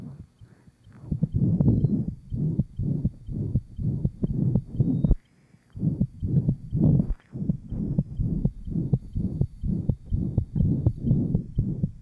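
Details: 1955 Johns Hopkins heart sound laboratory recording, likely at the pulmonic area: murmur of interventricular septal defect, possible persistent ductus arteriosus.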